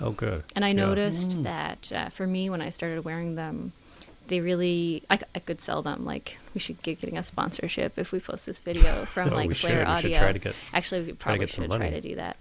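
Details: Adult woman, conversational speech; typical speech.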